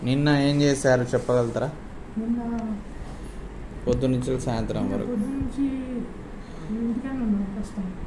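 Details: Adult male clinician, with a patient replying; Clinician speech.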